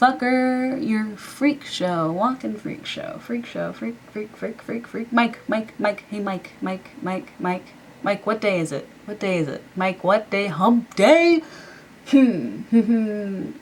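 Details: Diagnosed Tourette syndrome; a run of vocal tics with repeated words and phrases, followed by the speaker's own comment on them; vocal tics.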